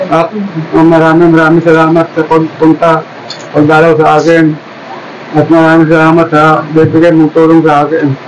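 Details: Adult male speaker; dysarthric speech in X-linked dystonia-parkinsonism.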